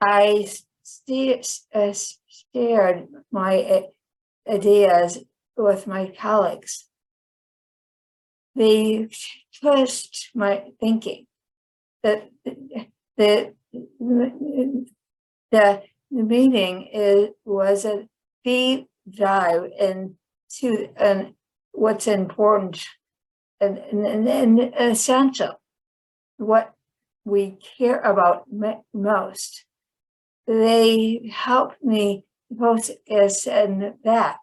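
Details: Woman with chronic aphasia after a 2010 stroke that initially left her unable to speak; she had to relearn speech; finding: aphasia.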